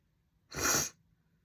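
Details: Single sharp, hissing sneeze under half a second from a female, then quiet.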